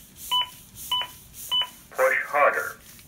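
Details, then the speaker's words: Zoll AED Plus defibrillator demonstration: after rhythm analysis with no shock advised, three short double-pitched electronic beeps and a spoken prompt cue the rescuer to start CPR; the device also coaches compression quality. "don't do good enough compression get prompt you for some good compression and if I get tired or forget to do CPR will tell me too"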